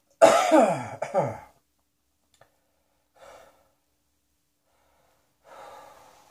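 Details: Two voiced coughs close together, followed by quiet breaths in a silent room.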